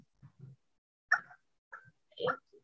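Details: Brief low hums and short squeaky wordless vocal bursts, repeated, illustrating simple vocal tics (humming) in tic disorder / Tourette syndrome, shown in a pediatric neurology teaching talk.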